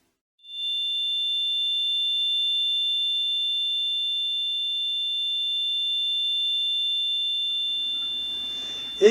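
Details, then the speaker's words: Simulated tinnitus: a steady high-pitched ringing tone held for about eight seconds. "oui ce sont les acouphènes et de nombreuses personnes sont concernées de manière aigu voire chronique par ce phénomène"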